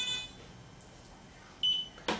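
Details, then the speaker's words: Brief high electronic beep then a click from an Accu-Chek Inform hospital glucometer confirming a barcode scan of the operator ID badge: normal device signal. "The operator ID for everybody, you can enter it manually, or you can use the barcode on the front of your badge and hit the scan button,"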